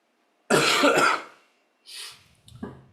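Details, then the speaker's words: Adult speaker recovering from fever and cough gives a cough in between talking during a lecture; cough. "I'm just recovering from fever and cough, so you will hear me cough in between."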